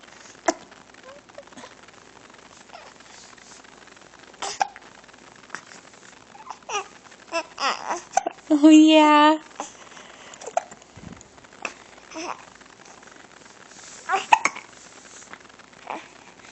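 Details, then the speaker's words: Infant with hiccups while stretching: repeated short, sharp gulping catches with soft babbling and a brief cry-like squeal. "are you yeah oh goodness a you got the hiccups"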